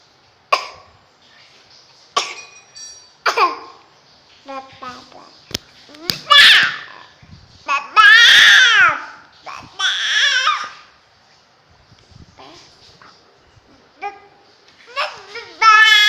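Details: Eight-month-old infant with a first cough and cold (common cold): short, sharp coughs mixed with fussy whimpering and crying.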